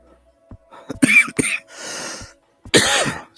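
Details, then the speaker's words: Adult with a lingering cough that comes on when cold air gets into the lungs in a chilly room: several short cough bursts with throat clearing and a breathy inhalation between; coughing fit. "excuse me yeah I know coughing too much um I have noticed that if I get too much cold ear in my lungs I start to cough so I try to keep myself warm"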